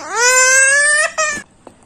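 A baby gives one long tonal cry followed by a brief second cry in a small room.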